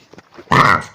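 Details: A dog gives a single harsh, honking cough burst after a few faint snorts, typical of kennel cough.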